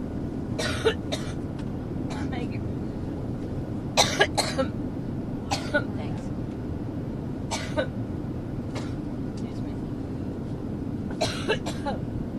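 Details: A woman coughing on her campaign plane, after coughing on stage in Ohio: repeated short cough bursts in clusters over steady cabin engine noise; coughing fit.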